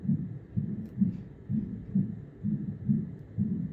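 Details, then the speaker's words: Right renal vein Doppler ultrasound on renal setting during a renal artery stenosis protocol, patient slightly decubitus with arm above head, breath held: soft, steady whooshing pulses about 64 a minute with gently rising and falling peaks; normal venous flow. "So that's our right renal vein. This is pretty consistent with the peaks of the waveform."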